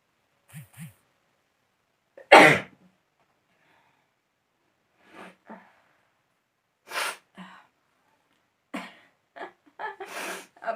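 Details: Sneezing, apparently set off with a toothpick: a sharp explosive sneeze with a few softer breathy bursts and catches before and after, in a quiet room.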